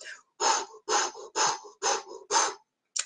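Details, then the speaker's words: Vocal imitation of the mitral insufficiency (regurgitation) murmur: five even, breathy blowing whooshes with no lub-dub, mimicking a holosystolic murmur. "then we learned mitral insufficiency a systolic murmur just blowing no lub dub because it's a whole of systolic murmur"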